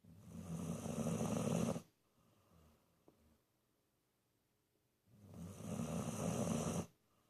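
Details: 19-year-old dog snoring loudly while sleeping with eyes wide open: loud, rough snoring in long drawn-in breaths with quiet pauses, two snores in about seven seconds; snoring.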